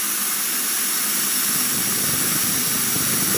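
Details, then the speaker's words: Oxygen E-cylinder with a tank-duration-calculating regulator set to 15 liters per minute for a non-rebreather mask: loud steady rushing hiss of gas; tank calculated to last about 28 minutes. "let's put them on a non-rebreather 15 liters per minute"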